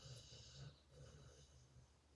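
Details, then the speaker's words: A sleeping dog snoring: a steady, low, fluttering rumble with some breathy hiss against quiet room noise. "Can you hear him snoring?"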